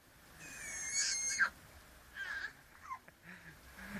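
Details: Bird coughing then shrieking: a long, high, squealing wheeze-like cry followed by a few short, raspy coughing bursts.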